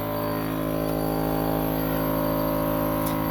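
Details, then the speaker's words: Steady, loud, droning motor hum with a fast even buzz throughout from a Drive Pacifica Elite nebulizer compressor running, drawing in and compressing room air to aerosolize liquid medication for a child with asthma. "It takes in room air, and it compresses it, sends it into the tubing."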